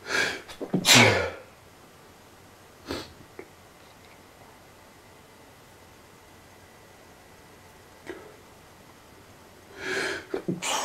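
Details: Fast, loud, uncontrollable sneezing, about three sneezes with sniffing between them, attributed to allergies.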